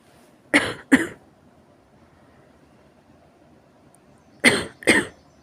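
Two pairs of harsh, forceful coughs, four in all, separated by a pause of a few seconds.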